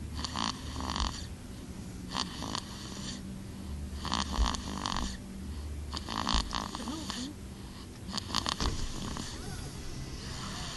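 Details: A nephew sleeping, with soft, rough snoring breaths recurring and a low rattling, purr-like tone between them; snoring.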